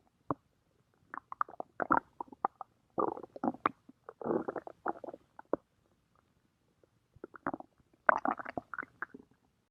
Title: Fat doc stomach growling